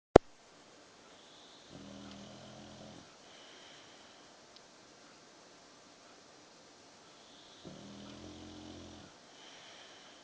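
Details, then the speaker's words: A Victorian Bulldog snoring in sleep: two slow, rumbling snores on inhalation about six seconds apart in a quiet room, after a brief knock at the start. "You snoring, mate? You snoring? That's it, you go back to sleep, mate."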